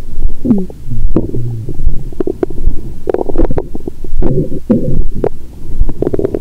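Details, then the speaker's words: After 22 hours of fasting followed by a Christmas dinner with wine, the belly heard through a stethoscope gives loud, nearly constant gurgles, squeaks and rumbling: active bowel sounds. "मेरा पेट हर समय गड़गड़ाहट कर रहा है। मुझे तुम्हारे कानों की चिंता हो रही है😂।"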